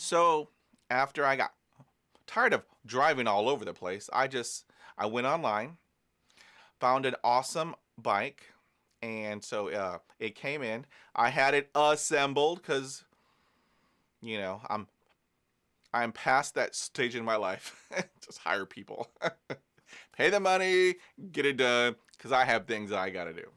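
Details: Adult man who stutters and says stress and exhaustion make his stuttering worse; his speech here has repetitions. Stuttering.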